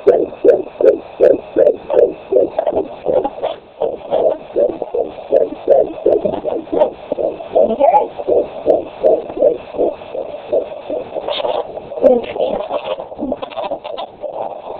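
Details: Normal fetal heartbeat on Doppler at 18 weeks of pregnancy: rapid, regular whooshing pulses, roughly 140 a minute, with occasional bumps from movement.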